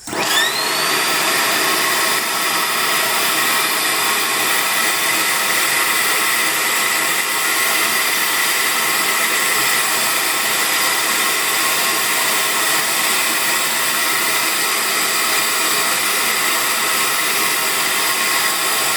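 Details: Loud, steady rushing motor roar of a dental vacuum former, normally used for dentures, drawing heated plastic down over objects after about two minutes of heating; amateur hobby use.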